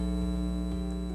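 A steady low electrical-sounding hum with a faint high tone, simulating the humming form of tinnitus.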